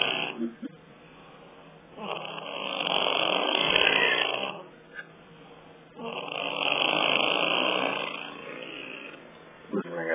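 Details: Two long, loud, rough, sputtering snores on in-breaths, about 15 breaths a minute with quiet pauses between; a wet, flapping snoring sound likened to a wet fart.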